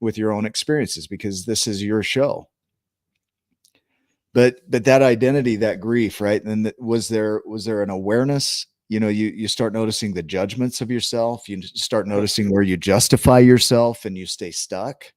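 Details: Adult man speaking; normal speech.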